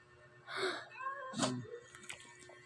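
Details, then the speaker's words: Cat with a cold (sipon) and cough, struggling to breathe through a blocked nose: a wet snort and a thin whistling nasal sound, nasal congestion with snorting from an upper respiratory infection. "kapag alam niyo hindi na siya nakakahinga gusto niyang gumaling eh nag-ano na nag-ano yung sipon niya"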